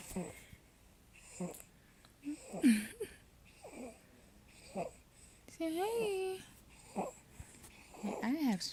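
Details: Infant stridor in a 3-month-old boy, now breathing better and slowly outgrowing it; he still vomits despite Zantac. Short noisy breaths and coos with a high, musical, squeaky sound.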